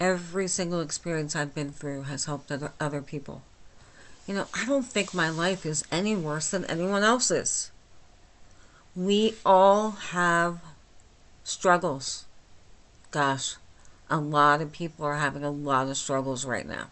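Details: Adult woman with myasthenia gravis since age 8, lifelong swallowing and talking problems and double vision, speaking without her speech appliance, understandable but not perfectly: hypernasal dysarthria (myasthenia gravis)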